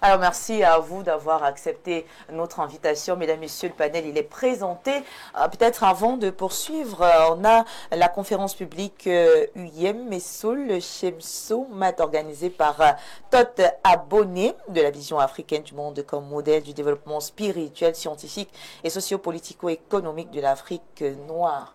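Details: Adult speaker; Normal voice.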